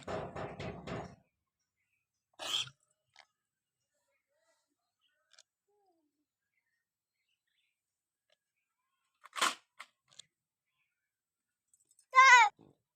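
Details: Goat with coughing and stomach disturbances gives two short, harsh coughs between bleats, with long quiet gaps in a small room: cough.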